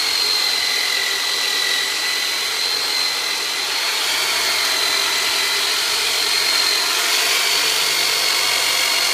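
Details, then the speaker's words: Powered soft-tissue release instrument ("turbonator") used by a chiropractor on a large adult man with low back problems during fascial release: steady high motor whine with rapid pulsing, running continuously. "so I'm going to pull out the turbo nator on him so Robert just going to sound like I'm sing you in half but I'm not"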